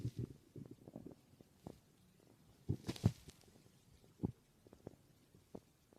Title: My stomach growling 🥰